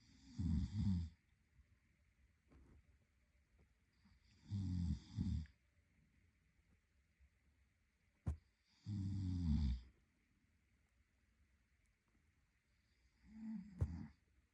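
Low rattling snores on each breath in, about 14 breaths a minute, in a quiet room: ordinary snoring in sleep.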